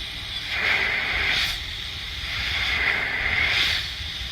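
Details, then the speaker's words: BMC G2S B30VT bi-level BiPAP machine in S/T mode, switched on with a single button press: steady hissing airflow that swells and eases in slow cycles, about 28 a minute, as the ventilator delivers pressure. "यहां पे करके आप इसको जब on कर देंगे button एक बार दबा देंगे तो यहां से हवा आनी शुरू हो जाएगी।"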